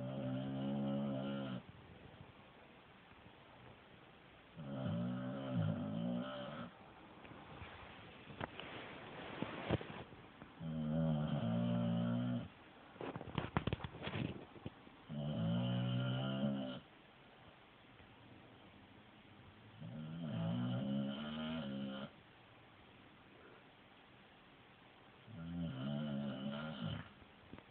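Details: Sleeping female dog snoring like a human: steady, rumbling snores roughly every five seconds with quiet pauses between.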